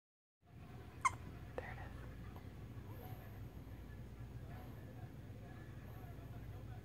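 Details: A single sharp, high squeak, then a softer catch, from a child's hiccups, which sound like a squeaky dog toy.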